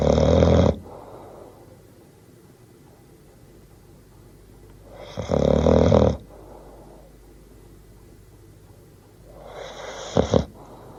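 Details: Bull terrier dog snoring: three loud, rough, rattling inhalations at slow intervals with quiet breathing between; sound effect recording.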